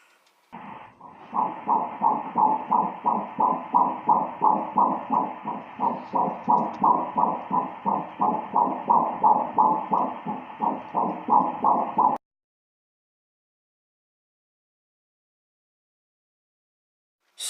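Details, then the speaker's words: Fetal heartbeat heard on ultrasound Doppler at the first OB visit, pregnancy confirmed at about four weeks, mother pregnant at 16: rapid, regular whooshing pulses, about 175 beats per minute. "I was able to hear my baby's heartbeat at that ultrasound so that very first visit so that was really cool and I'm gonna actually play it for you guys right now"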